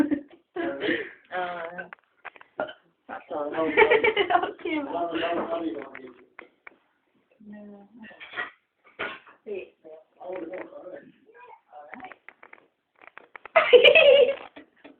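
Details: A grandmother burping: several voiced belches, some long and drawn out, with short gaps and a few quieter sounds between them.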